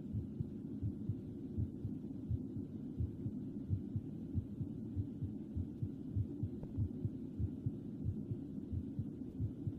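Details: Edited ASMR track with soft, muffled heartbeat thumps repeating steadily at around 95 to 100 per minute over a low hum; heartbeat.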